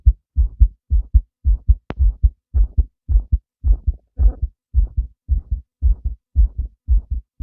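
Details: Male heartbeat: regular paired low thumps at about 110 beats a minute, a normal heartbeat.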